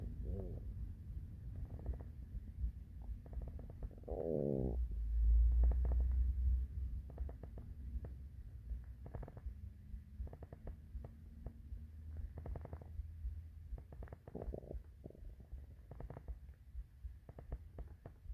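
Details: Morning hunger stomach growling: low gurgling rumbles and bubbling from the belly, with a louder drawn-out growl partway through; ordinary borborygmi.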